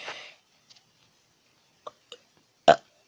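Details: Person talking about and demonstrating burps: a few short throaty clicks, then one brief, loud burp at the end.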